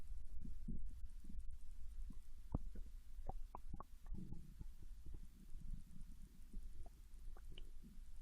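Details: Japanese girl lying on her side in bed after eating ramen: low steady rumble with scattered soft gurgles and clicks; normal digestive bowel sounds.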